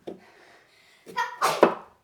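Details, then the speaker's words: A sneeze after a long lead-up, heard during home meal prep, followed by "bless you, gezondheid." "bless you, gezondheid. That was the longest lead up to a sneeze ever."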